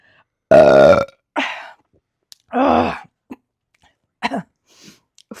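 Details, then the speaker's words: Woman burping after chugging a 50 oz beer, belly full: several loud, voiced belches of varying length, the first long and resonant, then shorter ones; ordinary burping after drinking. "Oh, my belly is full already. Uh, I about choked on my uh burp."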